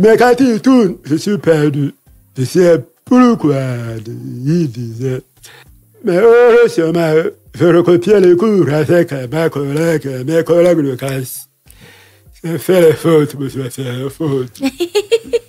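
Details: Adult man, deaf since childhood after an illness that caused his hearing loss, lip-reads, speaking French; deaf speech.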